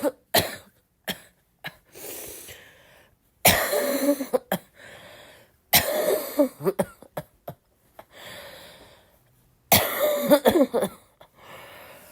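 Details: Girl, still sick, coughing a lot: repeated harsh, barking coughing fits in several clusters of rapid bursts with throat clearing and breaths between; coughing fit.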